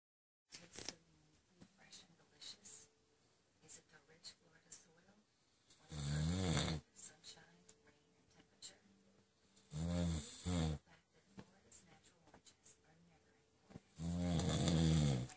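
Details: Sleeping adult caught in full snooze: three loud, rough, low snores about four seconds apart, with quiet room noise and faint clicks between; ordinary snoring.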